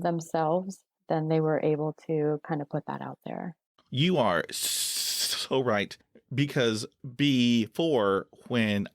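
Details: Adult man who stutters, with blocks he says come with eye closing, hand movements, leg tapping and facial tics: stuttering.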